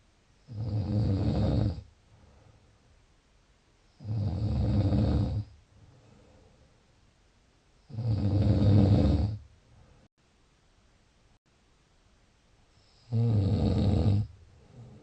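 Four loud, rough, low-pitched snores on the in-breath about every four seconds, roughly 16 breaths a minute, with quiet out-breaths between; snoring.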